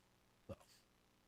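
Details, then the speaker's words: Adult podcast host, announced beforehand and possibly allergic: single abrupt, explosive sneeze followed by a softer trailing exhale against quiet room noise. "i'm going to sneeze again in a minute all right all right here it goes"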